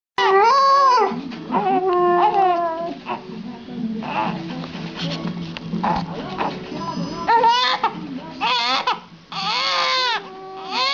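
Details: Infant cries in loud rising and falling wails while a dog howls along, the dog singing when the baby cries.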